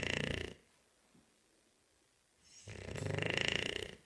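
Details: Bulldog: loud, rough, fluttering breaths with a quiet gap between them; snoring from a sleeping dog.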